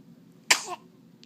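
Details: A single sharp, hissing sneeze burst in a quiet room.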